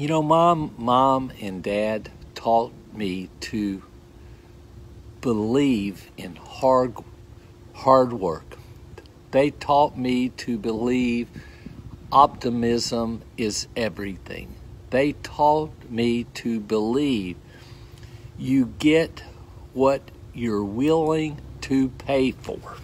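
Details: Adult man seven months after a stroke, told he would not be able to talk, write or read and that a sentence would take years; post-stroke speech impairment (aphasia).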